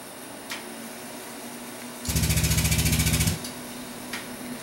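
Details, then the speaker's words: High-frequency oscillatory ventilator running during an in-service demonstration, flow meter on, humidified circuit: fast steady buzzing rattle for about a second over room hiss. "we turn this flow meter on and the flow goes out the back of the ventilator through this tubing picks up humidity comes back up through here"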